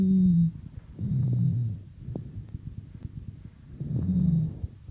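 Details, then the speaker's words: Lung auscultation with a stethoscope: low-pitched sonorous rhonchi (bass dry rales), as heard in acute and chronic bronchitis, COPD and bronchiectasis. "басовые хрипы мы с вами можем услышать при остром и хроническом бронхите при хобл бронхоэктатической болезни"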